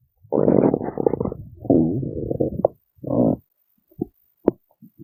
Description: I know it's been a while since you've listened to my beautiful growly tummy! I bet you've missed her so much!